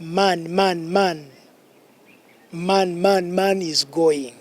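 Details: Acted demonstration by a speech therapist of whole-word repetition in stammering, where a person who stammers repeats sounds, syllables or words; Stuttering (whole-word repetition).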